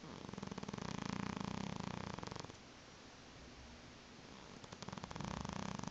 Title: Tifi the snoring cat